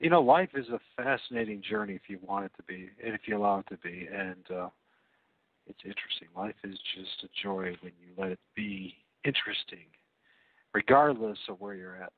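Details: Adult man speaking; Normal voice.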